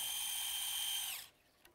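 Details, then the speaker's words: Surgical power drill during percutaneous MCL InternalBrace ligament augmentation of the knee: a steady high-pitched motor whine for about a second, then winding down, driving a guide wire into the medial epicondyle. "then going to use the drill now the tricky part is you take the the sleeve and you simply put it over and you tap it in a little bit"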